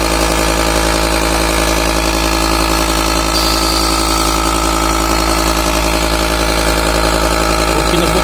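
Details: Loud continuous buzzing motor drone with steady vibration from a discarded, non-working mini nebulizer compressor, running again after being repaired by tightening its screws.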